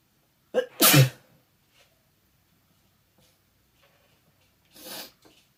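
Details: Cat allergy sneezing from an adult near their cat, with watery eyes: two sneezes, a sharp forceful one and a softer second.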